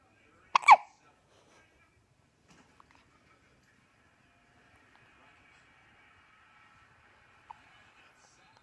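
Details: Infant hiccups: one sharp, loud hiccup with a brief voiced squeak, then quiet and a faint second catch.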